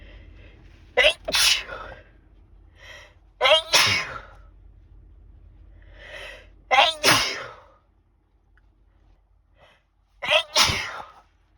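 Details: Sneezing fit: four sharp sneezes in quick succession, each with a brief in-breath before a forceful burst.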